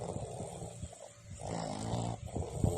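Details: Boston terrier, a small flat-faced dog, snoring while asleep: loud, rumbling snores with snorting noise on each breath.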